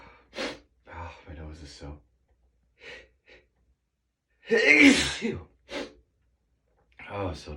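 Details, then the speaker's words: Morning allergy sneezing on waking with a sneezy nose: short breathy gasps and sniffs build to one loud burst sneeze, then a few softer breaths, in a quiet room. "It's going to be a Sneezy day. Sneezy day. Oh my gosh, excuse me. I don't think I'm quite done yet."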